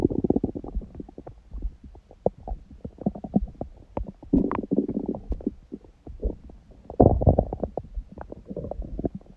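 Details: Own stomach sounds after a raw-food meal and ab workout; fasted with only water from 19:00 the previous day, first meal at 16:00 eaten in a binge; continuous low gurgles, rumbles and bubbling clicks: active normal bowel sounds.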